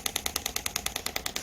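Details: Radial-type extracorporeal shockwave device (titanium applicator) firing on the operator's own gel-coated arm while demonstrating a squeezing stroke technique that can cause bruising: rapid, evenly spaced sharp clicking pulses about ten a second; shockwave firing.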